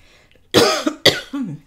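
Two short, harsh cough bursts from an adult, each ending in a brief voiced tail, in a quiet room; an ordinary cough.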